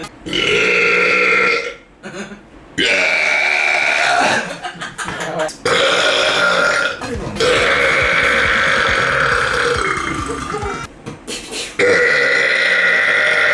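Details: Deliberate prolonged belching: long, loud, sustained voiced burps in a series with brief pauses between.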